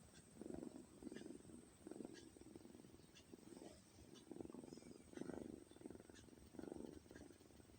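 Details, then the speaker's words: Soft, rhythmic, low rumbling breaths, about 8 cycles in under 8 seconds, from a cat sleeping on a prayer mat: snoring. "Hari ini kita akan mendengarkan suara asli saat kucing bernapas ya teman-teman. Ini kucing sedang tidur di atas sejadah."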